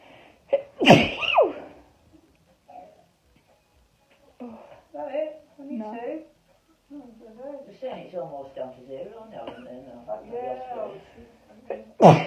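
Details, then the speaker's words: Young woman doing a Covid-19 nasal swab self-test: a loud sneeze with a sharp intake, then talking and a second sneeze at the end; swab-induced sneezing. "Not even lying, when I do the nose, I usually sneeze at least 10 times minimum. I only sneeze once."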